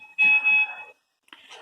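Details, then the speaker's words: High respiratory rate alarm on a non-invasive ventilator, demonstrated in an ICU teaching session with the limit set above about 55 breaths per minute: a short high-pitched electronic alarm tone, then quiet. "o alarme de preferência alta deixa programada uma pessoas acima de 55 minutos e ele vai te mostrar que está fazendo uma frequência desse"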